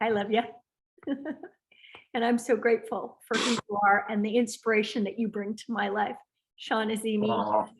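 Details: Adult woman speaking; Fluent speech.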